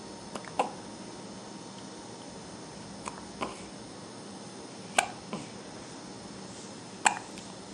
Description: gets the hiccups.